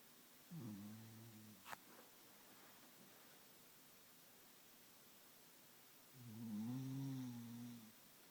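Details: Darcy, a sleeping pet, snoring heavily: two long, low, rattling snores on the in-breath separated by quiet breathing in a quiet room; snoring.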